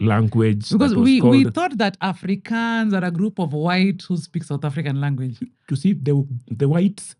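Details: Adult speaker; typical speech.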